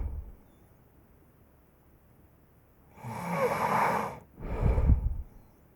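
A loud rattling snore on the in-breath, then a rough snorting out-breath, over quiet room noise: snoring.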